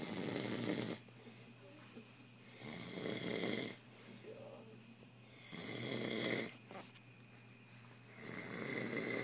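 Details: Man napping: rough, rattling breathing rising and falling at about 20 breaths a minute over steady background hum; snoring during sleep.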